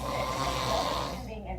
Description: Short video my mom got of me snoring.